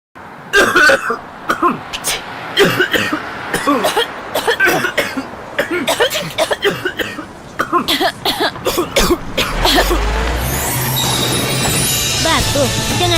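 Repeated short, harsh acted coughing bursts, with music and vehicle-like noise rising near the end.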